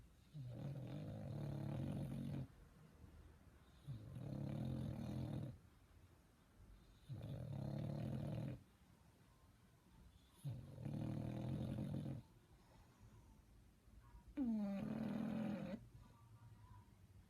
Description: Little puppy of English bulldog sleeping and snoring 😴